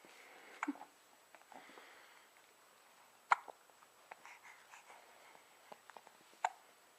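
Quiet room with a few sharp, brief gulping clicks spaced irregularly a few seconds apart, fitting hiccups.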